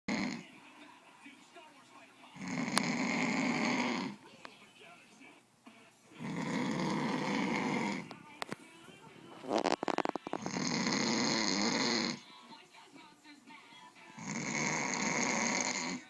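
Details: Man (a father) caught snoring while asleep; he insists he does not snore. Loud, rough snores about every four seconds, roughly 15 a minute, with quiet breathing between: ordinary heavy snoring.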